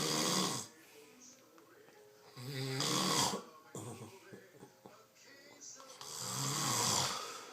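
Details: Man sleeping, snoring very loudly: harsh, rattling snores with gasping breaths between, about three over several seconds.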